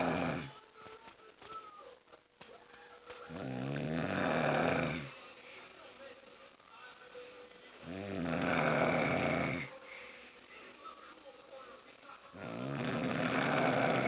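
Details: Snoring from the uploader's dad, heard all night: loud rattling snores on each breath in, about 13 breaths a minute, with quiet breathing out between them.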